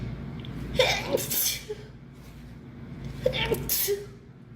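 Two sneezes, each a quick in-breath followed by a sharp, hissing burst of air; ordinary sneezing.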